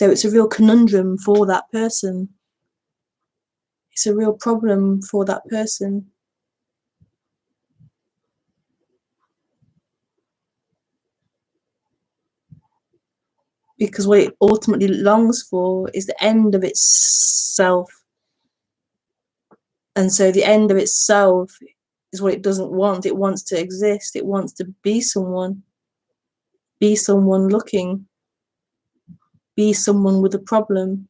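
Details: Self-reported stuttering in a female speaker, with word and part-word repetitions in live spontaneous speech.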